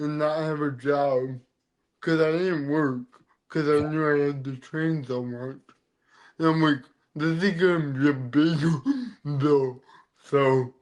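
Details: Adult man with dysarthria from cerebral palsy present since birth; he says CP affects his neck muscles, deepening his voice and making talking hard.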